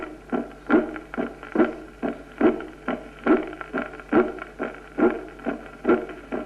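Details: Regular heartbeat near 70 a minute with a loud, ringing, musical, trumpet-like second sound, a tambour S2, heard in aortic dilatation from arteriosclerosis, aneurysm or syphilis.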